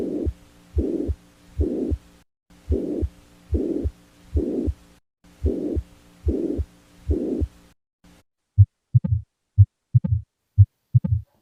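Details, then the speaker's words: Stethoscope auscultation of regular heartbeats with a steady blowing murmur filling the whole gap between the first and second heart sounds: pansystolic murmur. "This is the Pan Systolic Murmur"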